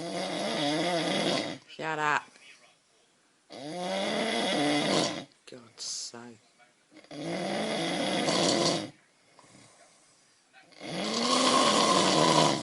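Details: Snoring during sleep, likened to a bear and keeping the bed partner awake: loud, rough, rattling snores, about three in twelve seconds, with quiet gaps between breaths.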